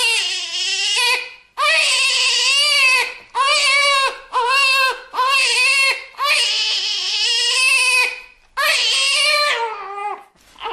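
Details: Newborn crying.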